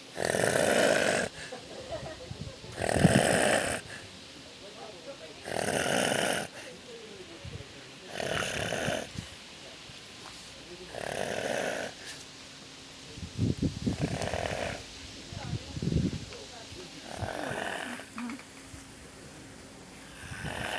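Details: Falls asleep in the pool after bathing and snores: loud, rough, rattling snores about every 2.5 seconds (~25/min) with quiet gaps between; ordinary snoring.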